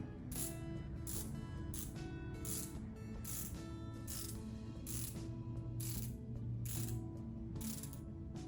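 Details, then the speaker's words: Steady run of sharp ratcheting clicks with a faint hum as a Click Medical adjustable prosthetic socket dial is tightened on a loose leg prosthesis, the wearer's residual limb having reduced in volume despite added ply socks. "she's has a socket with a click medical adjustable socket device that allows her to tighten the socket up"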